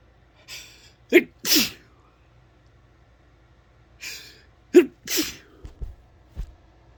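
Two sharp sneezes, each preceded by a breathy intake, followed by brief sniffing sounds.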